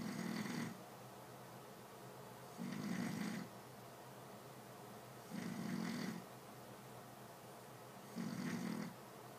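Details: Loud, rough snoring about every 2.6 seconds, roughly 22 breaths a minute, each a buzzing rumble between quieter gaps.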